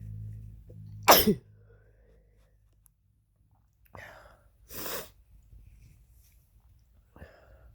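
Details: Male sick with a cold (his third cold this year) sneezing twice, two sharp explosive bursts a few seconds apart, each with a brief breath before it.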